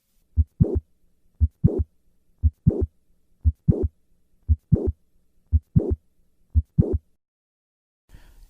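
Regular heartbeat about 58 a minute; each beat has a sharp mid-systolic click followed by a short murmur, fitting the click-murmur of mitral valve prolapse.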